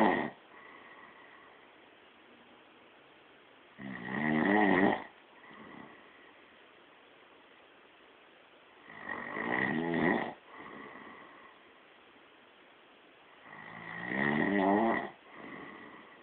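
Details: Person caught snoring in sleep: three loud, rough, rattling snores about five seconds apart with quiet out-breaths between, roughly 12 breaths a minute.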